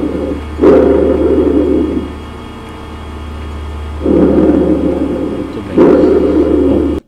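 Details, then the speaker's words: Normal tracheal breath sounds via stethoscope diaphragm over the extrathoracic trachea: the loudest breath sound, harsh and hollow in both inspiration and expiration. "E o som traqueal é o som mais alto, corresponde à região extratorácica da traqueia."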